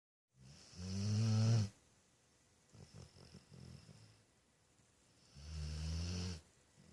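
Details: Loud, deep rumbling snores on the in-breath, with softer fluttering breaths between, about two bouts in seven seconds; heavy snoring, loud enough to keep someone awake.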